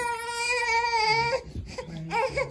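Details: Newborn boy at his first vaccination shots in both legs, given sweet liquid to drink: steady high-pitched wailing cry, then broken whimpering sobs, with soft music behind; infant crying.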